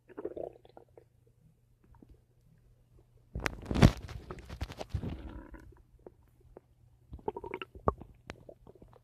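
Gurgling rumbles with a longer loud growl in the middle over a low steady hum: ordinary stomach noises.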